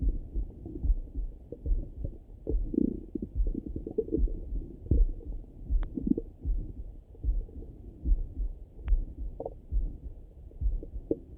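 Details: Morning stomach rumbling through a stethoscope: low gurgling and rumbling with a few brief squeaks; ordinary bowel sounds (borborygmi).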